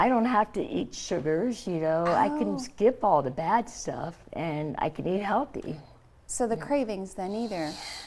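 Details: Adult woman, stage 4 epiglottic cancer survivor (2009), treated with surgery, chemotherapy and radiation; scar-closed airway, open tracheostomy stoma covered by thumb to speak; partial glossectomy for tongue cancer, no teeth or saliva glands; mildly imprecise articulation with tracheostomy speech.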